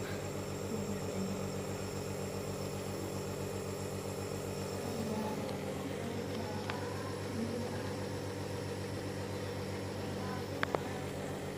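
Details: Steady low mechanical hum with rapid pulsing and faint room noise from a running nebulizer compressor during a baby's nebulizer treatment for cough, cold and fever at a community health centre.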